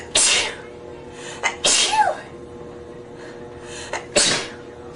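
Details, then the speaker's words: Three sharp, explosive sneezes in quick succession, each with a hissing burst of air, from an adult who is sick with a cold and has phlegm; sneeze. "Sounds like a cough and sneeze."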